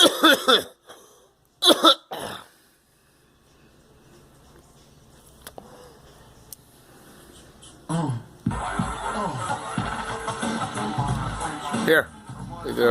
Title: Girl and me coughing